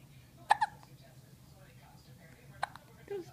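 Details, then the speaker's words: A girl with hiccups: two short, sharp hics separated by quiet, then a soft adult voice; hiccups. "Do you have those hiccups? Huh? Do you have hiccups?"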